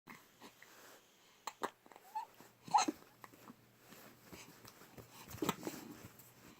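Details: Hiccups from a small animal called baby bean: a few sharp, brief jerky sounds at uneven intervals in a quiet room.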